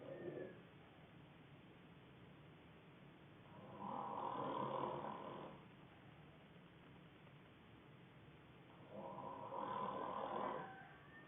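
Two slow, rumbling snores about five seconds apart, heard over steady background hiss.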